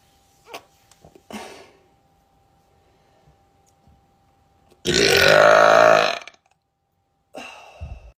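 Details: Woman burping: one loud, drawn-out voiced belch lasting about a second, with brief quieter mouth sounds before and after.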